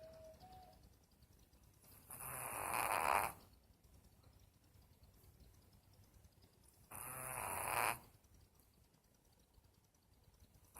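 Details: Soft, airy, hissing snores at slow, regular intervals, about 13 a minute, separated by quiet pauses; ordinary snoring.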